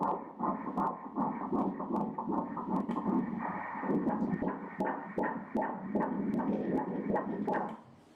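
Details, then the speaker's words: Fetal heartbeat on Doppler ultrasound at 10 weeks' pregnancy: rapid rhythmic whooshing pulses, measured at 157 beats per minute, a normal rate. "look at the baby's heart beating, repair the heart the circulation going to the inside of the head also to the rest of the torso and the head, look there let's hear the heartbeats notice"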